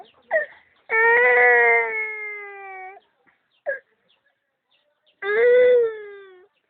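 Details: A young child cries in two long wailing bursts separated by short catching breaths and a pause; ordinary crying.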